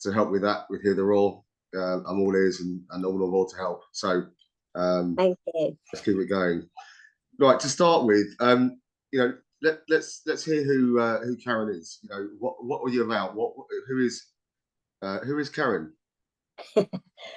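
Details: Adult male podcast host; typical speech.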